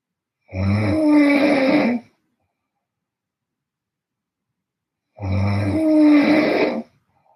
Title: I have a bad snore funny noice. 😴😱🌧️